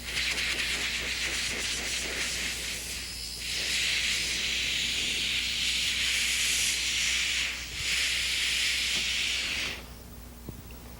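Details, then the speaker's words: Harsh hissing sanding noise in long bursts, then stopping, as a medium sandpaper disc on a mandrel smooths diamond-bur roughness from a maxillary second premolar prepared for a porcelain-fused-to-gold veneer. "left to do is to use a sand disc to remove the roughnesses and then will be finished"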